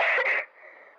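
Two quick, harsh cough bursts from an adult, acted as a demonstration, then quiet room sound.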